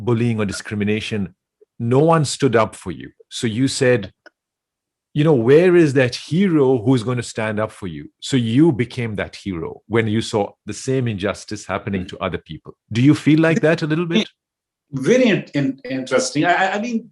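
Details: Adult male speaker; ordinary speech.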